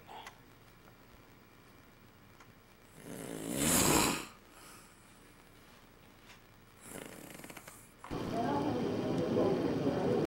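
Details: Snoring recorded in 2002: loud, rough snorts on breathing in, separated by quiet pauses, with a longer noisy stretch at the end.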